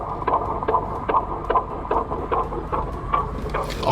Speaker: We were able to get the baby's heartbeat recorded for story. And listen,